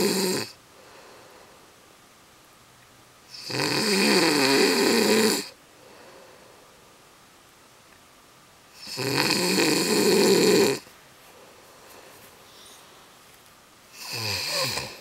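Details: Adult man snoring while asleep: loud rattling snores, each about two seconds long, recurring roughly every five seconds with quiet gaps between.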